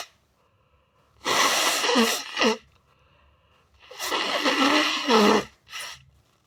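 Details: Big, wet sneezes with drawn-in breaths and explosive releases; sneezing on a mirror.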